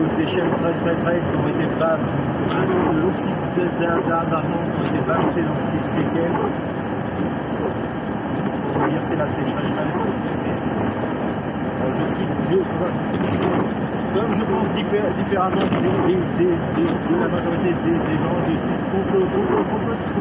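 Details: Adult male with stuttering, who says it becomes even worse and words stop coming out when he recalls a stressful period of his life (a workplace incident around 2004); stuttering.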